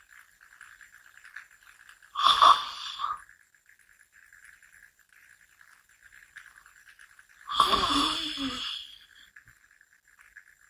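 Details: Person napping while sitting up, head nodding off, snoring: two rattling, fluttering snores about five seconds apart over a steady background hum.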